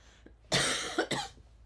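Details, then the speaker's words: Two abrupt, harsh coughs in quick succession from an adult who says she has a tickle and has been sick since Saturday night, in a quiet room: short coughing bout. "And I have got a tickle. Sorry about that."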